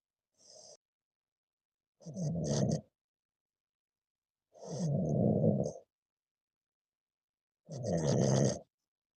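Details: Snoring from an adult man, the boyfriend: loud, rough, low-pitched snores about 20 times a minute, each a rattling noise on the in-breath.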